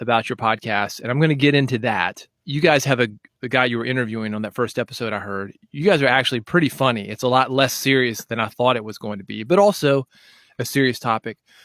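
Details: Adult male speaker; fluent speech.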